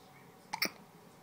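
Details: An infant with hiccups gives a single short, sharp hiccup in a quiet room while a parent talks to the baby: infant hiccup.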